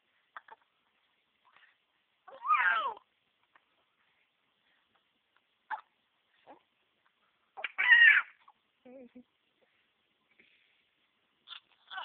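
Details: Infant nephew, upset by hiccups, gives two short crying sounds between brief, sharp hiccups in a quiet room; hiccups with crying.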